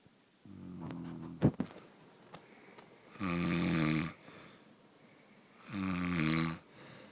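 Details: Person snoring on a couch: loud, rough, buzzing snores recurring every few seconds with quiet pauses between them in a small indoor room; snoring.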